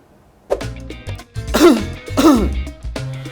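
An acted adult man gives several short coughs and throat clears over background music.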